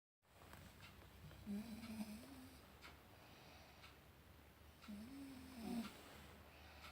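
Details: A wife snoring in sleep in a quiet room: two soft, low rattling snores on the in-breath, a few seconds apart; snoring.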